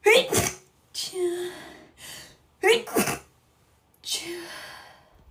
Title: girl sneeze